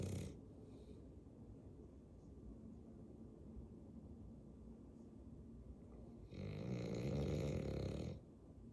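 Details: Snoring in a sleeping bulldog: low, rattling snores with a louder snorting breath near the end.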